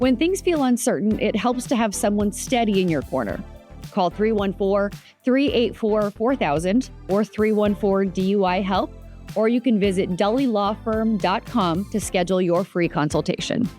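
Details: Adult speaker, ad read over background music; Typical speech.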